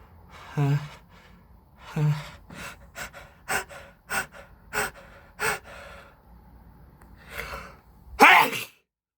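Gasping build-up breaths, a run of short sharp bursts, then a forceful sneeze: repeated allergic sneezing.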